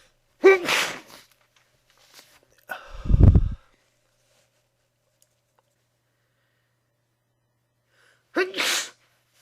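Three sneezes, each a sharp explosive burst of air, with a muffled middle one as if into a handkerchief.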